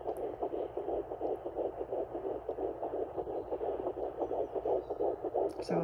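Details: Rapid, regular galloping whooshes, the display settling at about 150-159 beats a minute, at 10 weeks 2 days pregnant, picked up by a Sonoline B home fetal Doppler; fetal heartbeat.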